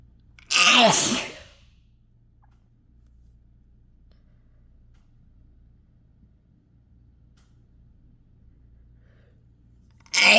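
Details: Sneezing set off by inhaled chhinkni sneezing powder: one loud, forceful, throat-scraping sneeze, then near silence, with a second sneeze beginning at the very end.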